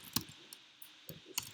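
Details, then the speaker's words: Sonified normal heart rate variability: a healthy person's long heart-rate record turned into sound and played back much faster, heard as quick sharp clicks at slightly uneven spacing. "Okay, that was a normal, healthy person."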